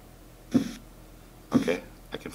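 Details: Realityworks Blood Pressure Simulator, check-pressure scenario: cuff pumped above systolic, then lowered. Simulated Korotkoff phase 1 is first heard at about 120 mmHg, with sharp tapping beats about one second apart.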